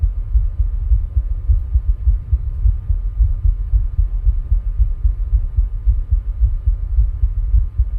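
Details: Own heart sounds recorded with ECG while rebreathing from a plastic bag: low, fairly regular thumps at about 110 a minute, a fast rate; heart sounds.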